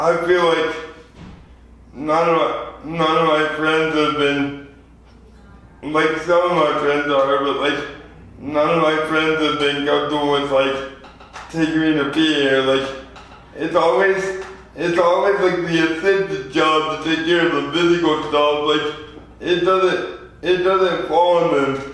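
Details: 24-year-old man with lifelong spastic quadriplegic cerebral palsy from premature birth at 2 lb 4 oz; dysarthria (spastic, cerebral palsy).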